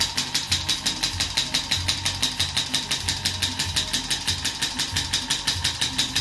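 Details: Shockwave therapy applied to the knee for knee pain: sharp, evenly spaced clacking pulses, about 176 a minute, over a low hum from the device firing during treatment.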